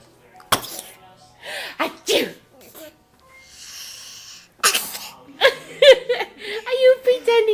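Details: Sharp sneezes with a build-up breath amid talking and background music, possibly pretend sneezes; sneezing.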